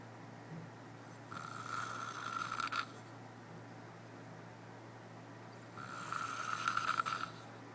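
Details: Lon snoring at church camp: two long, rasping, whistling snores on breathing in, about eight a minute, over steady room hum; snoring.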